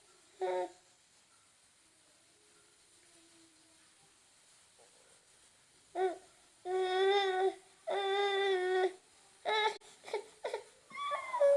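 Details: Newborn baby crying: several bursts of high-pitched, tonal infant crying after a quiet stretch, with brief whimpers between cries.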